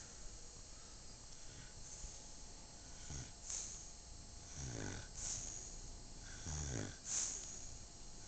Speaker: As you can hear, she's snoring. Three in the morning. I'm glad somebody's getting some sleep.